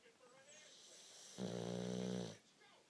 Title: Jack snores!